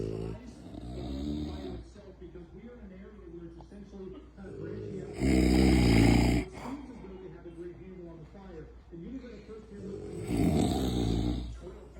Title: Woman and dog snoring battle